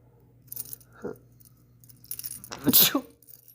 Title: sneezing boy